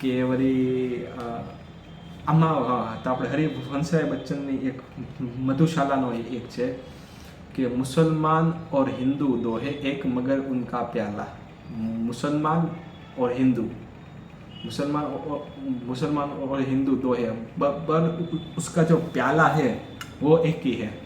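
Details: Adult man who stammers, on Day 4 of his daily stammering practice routine, counting backwards from 100 as fast as he can in Hindi: stuttering.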